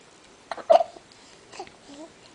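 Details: Awake 3-week-old baby girl weighing 8 lb 12 oz, with hiccups again: a sharp, jerky hiccup-like catch, then soft fussy baby sounds in a quiet room. Infant hiccups.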